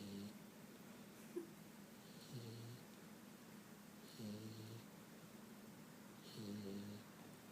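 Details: 5-month-old Boxer dog asleep after a trip to the dog park: soft, rough breathing noises recurring about every two seconds; mild snoring.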